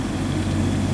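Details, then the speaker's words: Loud, steady low hum and rumble of an EE-OXY++ PSA oxygen concentrator (93% ±3% oxygen up to 10 L/min) running at optimum concentration, with air bubbling through the humidifier bottle to a mask. "यह आप देख सकते हैं कि media पर बोतल में में ये हवा आ रही है इसका मतलब के ऑक्सीजन यहां से निकलकर जिसमें से होते हुए मास्क में आ रही है"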